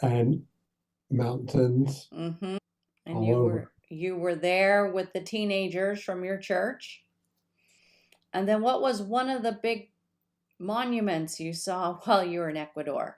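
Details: Adult speaker; ordinary speech.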